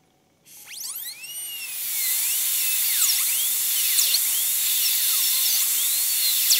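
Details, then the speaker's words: High-speed dental drill spinning up and cutting, pitch dipping and rising at the tooth surface, during a full zirconia crown prep on tooth #3 (maxillary molar): guide cuts on the distal marginal ridge and for the functional cusp bevel. "there we can go ahead at this point and place guide cuts for the functional cusp bevel"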